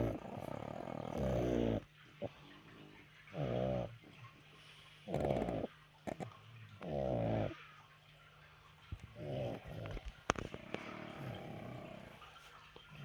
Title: snoring pugs